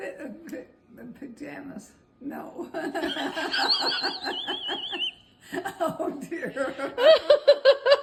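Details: 90-year-old woman after a left ischemic stroke, in recovery and doing speech exercises, completing about half her sentences, with repetitions and incomplete sentences; Broca's aphasia.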